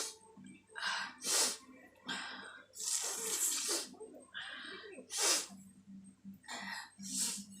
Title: sneezing challenge part 2#blowing nose requested video#🤣😂😝🤪